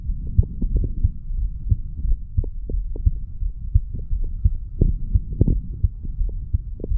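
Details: Low, muffled heartbeats at about 87 per minute under a steady hum, from a 35-year-old male, recorded at the mitral (bicuspid) valve area after doing weights; heart sounds after exercise.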